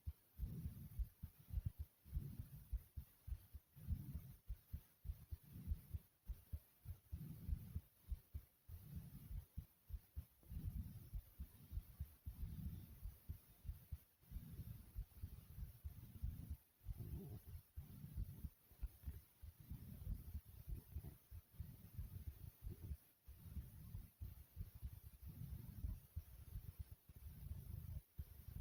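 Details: Soft, quick, regular low heart thumps at roughly 90 a minute, from the recordist's own heart after doing various exercises: a fast, normal speeded-up heartbeat after exercise.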